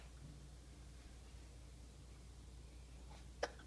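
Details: A single short, sharp hiccup near the end, over a steady low room hum, from a young child at a mealtime of Rice Krispies and green beans, being coaxed to eat with a fork.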